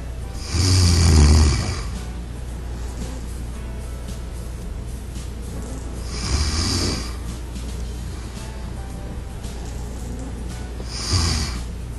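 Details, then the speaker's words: Three loud, low, rattling snores on breaths several seconds apart, over soft background music, in an anti-snore pillow demonstration; ordinary snoring. "if four more snoring sounds are detected the pillow goes through the shifting operation again the entire process is repeated until no more snoring sound is [Music] detected"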